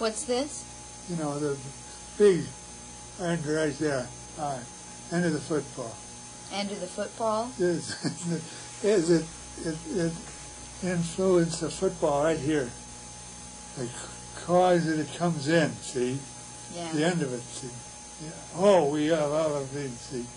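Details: Patient with receptive (sensory) aphasia producing fluent but empty, disorganized 'word salad'; Wernicke's aphasia.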